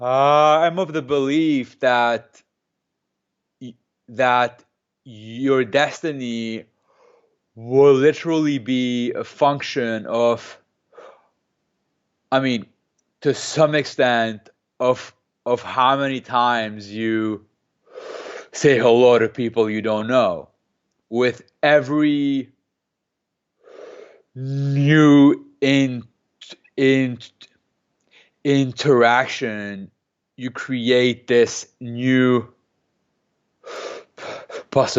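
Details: Adult man who has stuttered since age 2 or 3, speaking in an interview and using a McGuire programme breathing technique to control it; stuttering.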